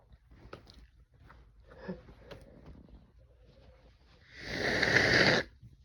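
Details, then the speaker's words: A man sneezing after taking chhikni (snuff), his eyes watering: soft breathing and small noises, then one loud, forceful sneeze lasting about a second. "Oh, fuck, I'm gonna sneeze. Oh. I did a little too much there."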